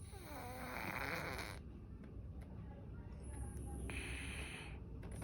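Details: Sleeping cat snoring: two soft, raspy breaths with a low rumble, separated by a quiet pause.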